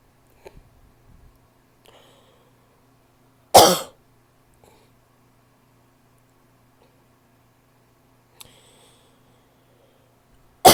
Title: barky cough (f)